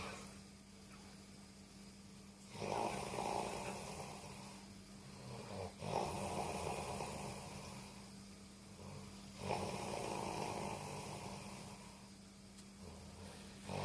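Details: Loud, rough, rattling snores on each in-breath, about every three to four seconds, over steady hum: heavy snoring.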